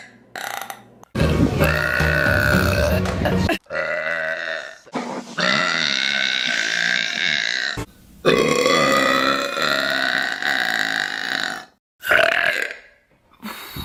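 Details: Woman producing several long, loud, voiced belches in a row with short pauses between them, from a burping compilation: repeated burping.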